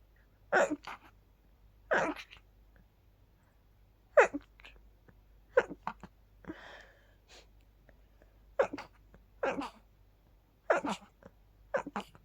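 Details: Run of about eight to nine sharp sneezes, each with a quick inhale, while sleepy after sleeping with the window open, attributed to pollen; sneezing.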